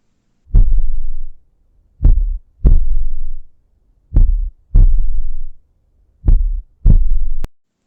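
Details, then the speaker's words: Slow, deep heartbeats in pairs, roughly 30 to 40 beats a minute, illustrating bradycardia, a heart rate below 60 beats per minute (normal 60 to 100). "Ahora, cuando está por debajo de los 60 latidos por minuto, la llamamos bradicardia y sería algo como esto."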